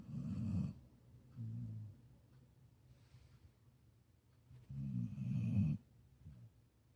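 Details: Female support dog snoring while asleep: low rumbling snores on breaths in, with quieter snorts between; ordinary dog snoring.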